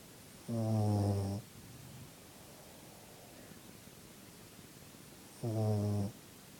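Two loud, buzzing snores from a sleeping puppy, about five seconds apart, with quiet breathing between them.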